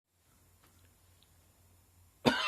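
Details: A single abrupt, harsh dry cough bursts out after a quiet stretch, with no rattle of mucus; a sudden dry summer cough.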